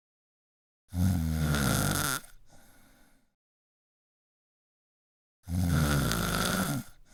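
Two long, loud, deep rattling snores on breathing in, each followed by a softer breath out, with silence between: heavy snoring.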